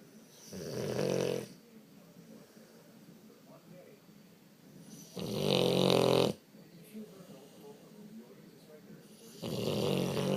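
Loud, rattling snores from a sleeping dog, three in ten seconds, about 14 breaths a minute, with quiet pauses between.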